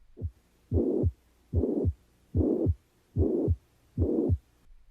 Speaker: plateau murmur has the same intensity throughout